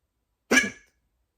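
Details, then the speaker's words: One abrupt, forceful hiccup with a sharp throaty catch, then silence; a strong adult hiccup before sleeping, which the person says cuts off their breathing. "Putain, il est fort aujourd'hui. Putain, ça me coupe la respiration carrément."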